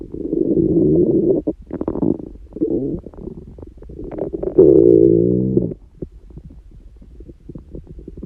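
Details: Person prone to frequent loud stomach noises, neither hungry nor with stomachache: long gurgling, growling rumbles with bubbling pops, ordinary bowel sounds (borborygmi).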